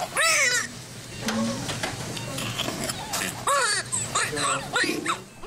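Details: Several short, strong, high-pitched wailing bursts over soft music and room sounds: vigorous first cry of a newborn from a triplet pregnancy, mother hospitalized with contractions since 28 weeks.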